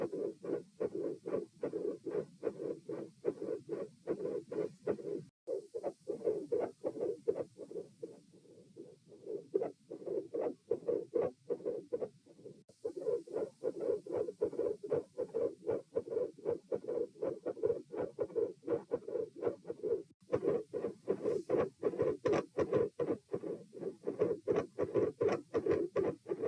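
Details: Same subject lying supine, recorded at position P: rapid, dense heart sounds at about 79 a minute with a murmur between beats; mostly mid-systolic murmur.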